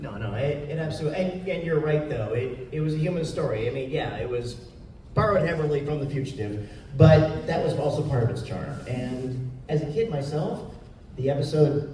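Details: Adult man speaking; typical speech.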